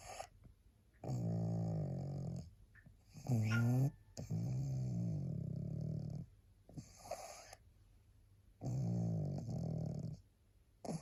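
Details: Deep rattling snores with a brief high whistling note and snorts between breaths; loud snoring from a tired, sleepy female pug, a flat-faced dog.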